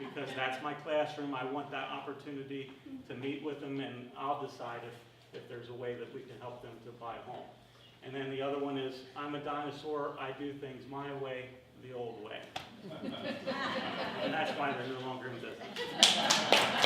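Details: Adult man speaking; normal voice.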